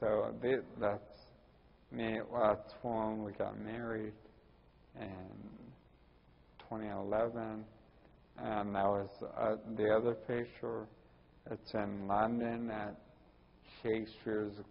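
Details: Ataxic dysarthria in a 41-year-old man with Friedreich's ataxia, which also causes his balance problems and walking difficulty.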